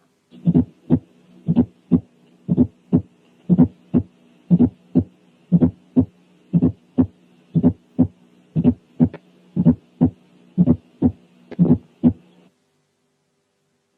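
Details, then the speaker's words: Fourth heart sound (S4): low-pitched extra sound just before S1, usually softer than S1, unlike a higher-pitched clicky ejection click; teaching recording. "ثانيا الاولاني كان فورث ساوند والتاني كان ايجكشن كليك."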